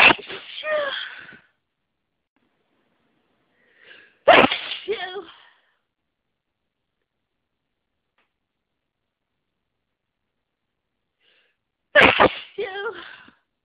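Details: Three loud, explosive adult sneezes with brief inhaled build-up before each, during a bout of hay fever sneezing lasting several days.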